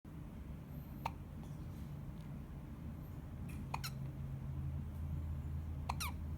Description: 8 weeks old baby having hiccups